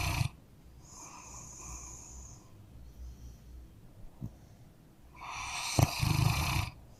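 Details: Sleeping dog, eye open and nose twitching as it sleeps: rough snoring snorts with a loud snuffling burst near the end, ordinary snoring.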